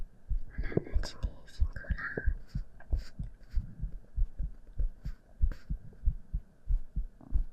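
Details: Soft regular heartbeat thumps around 90 a minute with whispering and rustling over them; an ordinary heartbeat in an ASMR relaxation recording.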